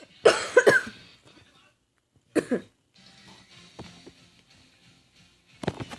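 Several sharp coughs: a burst of three, then a pair, then another, with quiet room noise between.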